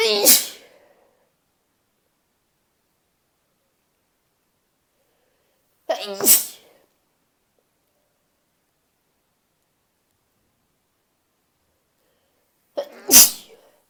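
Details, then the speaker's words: Three separate morning sneezes about six seconds apart, each a quick indrawn breath then a sharp burst of air with quiet between, among about four sneezes in the roughly two hours since waking. "Hi, I've been up for like 2-ish hours and I've sneezed like 4 times."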